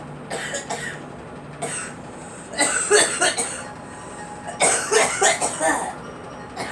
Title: Girl coughing